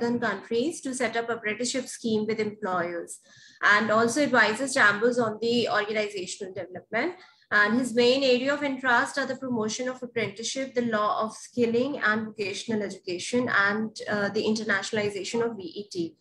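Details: Adult woman speaking; ordinary speech.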